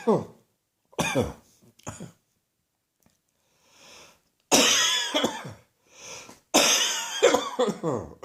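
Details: Persistent cough that will not go away: a morning coughing fit of harsh, forceful coughs in clusters, with throat clearing and gasping breaths between them.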